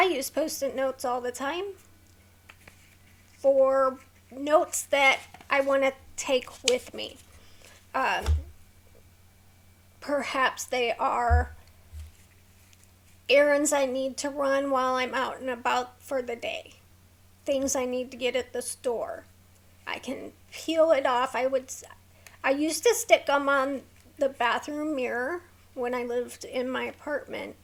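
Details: Vocal tremor in an adult woman with a neurological condition causing tremor of the hands, voice and head plus mild tardive dyskinesia; she strains to talk, which makes her throat sore.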